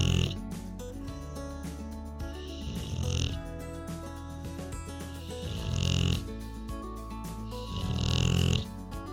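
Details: Rottweiler relaxing on a couch, snoring continuously: three loud, rattling snores about every three seconds, over background music.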